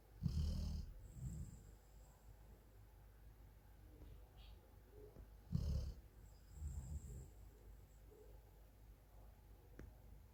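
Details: Female golden retriever sleeping, with low rumbling snores about two breaths in ten seconds (roughly 12 a minute) over quiet room noise; snoring.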